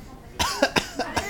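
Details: 9-month-old baby, eating tapioca pudding, playfully mimics an uncle's cough: a quick series of small, light coughs after a brief quiet pause, an imitation rather than illness.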